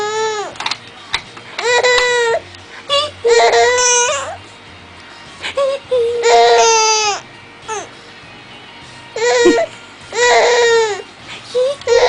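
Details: 6-month-old baby in an exersaucer crying: repeated wailing bursts with brief pauses, over soft background music.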